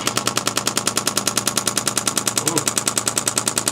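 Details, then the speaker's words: Shockwave therapy device, with pressure first turned down and then up over a tender spot while the patient moves through motions: loud, steady rapid-fire tapping pulses, a little over three per second. "so I'm going to turn down the pressure a little bit and we're going to get up into the next now so let me know if this is a little uncomfortable"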